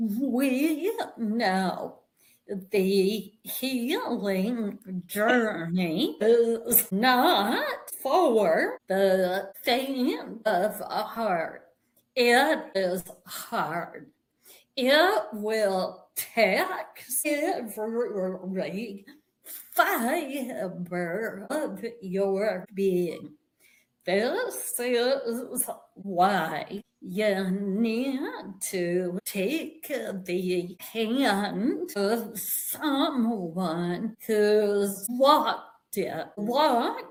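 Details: Adult woman with a real vocal tremor, which she attributes to over 50 years of narcissistic abuse and trauma beginning in childhood; speech described as possibly hard to understand; vocal tremor.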